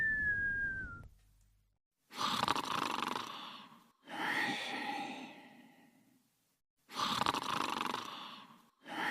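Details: Snoring during sleep: harsh, buzzy snoring breaths of about two seconds each, quiet pauses between, roughly 15 a minute, after a brief whistle-like sound at the start.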